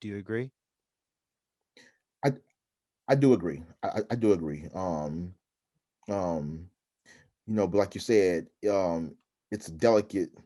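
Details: Adult man who stutters, with frequent interjections; stuttering.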